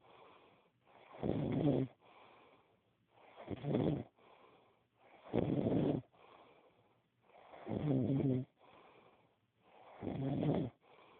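Loud, rough rattling snores on each breath in, with softer breaths out, about 27 breaths a minute: steady snoring.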